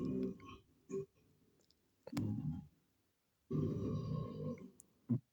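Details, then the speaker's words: Comedic huge burps, possibly played burping sound effects: several deep, rumbling, drawn-out burps, some long and some short, in a quiet room; ordinary belching. "Oh, wow. This is really impolite to burp."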